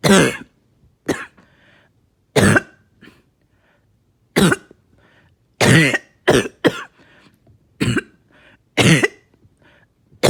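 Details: Productive coughing fit after taking medication, bringing up really thick mucus: about ten forceful coughs, some in quick runs, with throat-clearing between.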